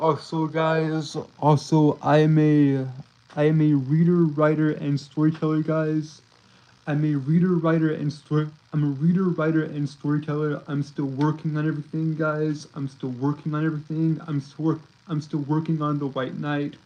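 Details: Male streamer with a self-reported speech impediment that makes him stutter and trip over his words; repeated phrases; stuttering.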